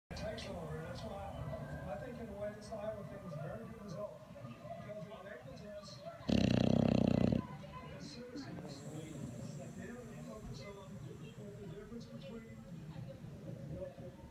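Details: A sleeping English Bulldog snoring so loudly it keeps its owner awake, refusing to wake: rough snuffling snores under television talk, with one loud burst of noise partway through.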